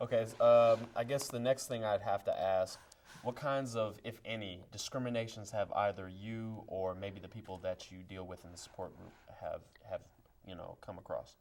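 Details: Adult male talk show host; typical speech.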